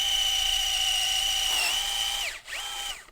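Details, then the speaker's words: Surgical bone drill making barrel cuts in the left tibia for a PEEK implant during an opening wedge high tibial osteotomy with the Arthrex iBalance HTO system: a steady high motor whine that dips under load, spins down and restarts. "so then we bring in our big drill to make the two barrel cuts that are the same they're the center line that take up and will be replaced by the bulk of the peak implant"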